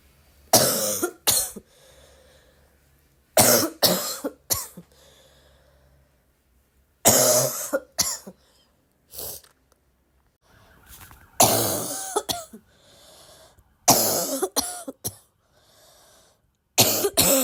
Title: would you like to hear me cough all day?